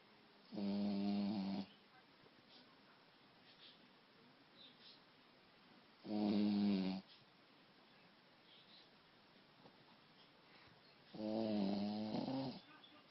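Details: Snoring from a small Shih Tzu dog: three loud, buzzing snores, about 11 per minute, with quiet gaps between.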